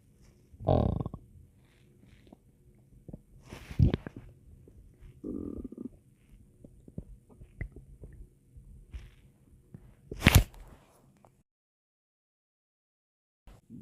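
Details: Scattered low gurgles and rumbles with brief pauses in a quiet room: ordinary stomach growling (borborygmi) from gas and fluid moving through the gut.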